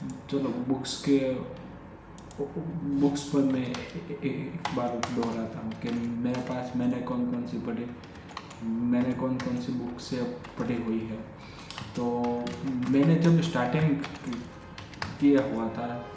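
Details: Adult male who has stammered since childhood, speaking spontaneously in Hindi during daily stammering practice; repetitions of words and phrases — stuttering.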